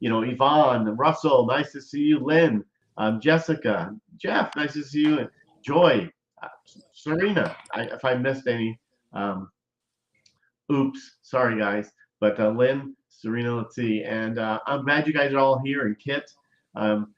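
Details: Adult host speaking; no speech disorder.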